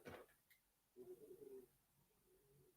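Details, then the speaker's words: Stomach growling (borborygmi) from hunger, in a quiet room: a soft click, then a low, wavering gurgle lasting under a second that fades into a faint trailing rumble. "No, sorry if you can hear my stomach growling. I'm like, I'm hungry."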